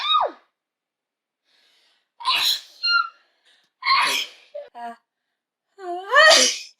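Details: Several separate ordinary sneezes, each with a sharp in-breath and loud, partly voiced burst of air; used as auditory discrimination training for hearing-impaired and cochlear implant patients; sneeze.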